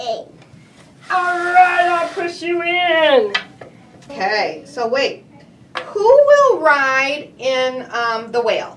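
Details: Adult woman speaking in play; normal speech.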